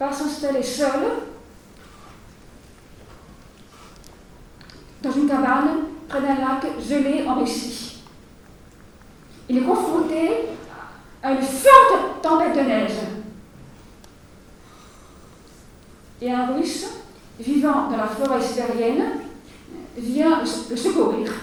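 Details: Stuttering in a French-speaking woman, a finalist of the 2020 stuttering eloquence contest giving her speech; long pauses between words suggest blocks.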